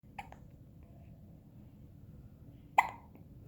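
Two abrupt hiccup sounds about two and a half seconds apart, the second louder, in a quiet room. These are hiccups.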